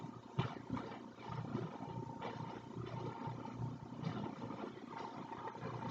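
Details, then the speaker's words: Tracheostomy suctioning performed by a nursing student on a training manikin; rough, rumbling suction noise with brief repeated surges, applied intermittently only while withdrawing the catheter. "so I'm gonna make sure that as I'm going into her airway I do not suction I'm gonna meet resistance and at that point I'm going to do intermittently"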